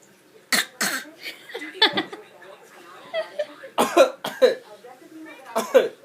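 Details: Young boy imitating his father's cough: a series of short, forceful throat-clearing coughs with brief talk between bursts; imitated cough.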